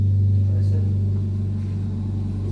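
Steady low mechanical hum and rumble of an air compressor running continuously, as when a ventilator's compressor is pressurized.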